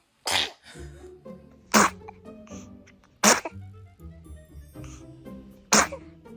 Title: Funny baby sneeze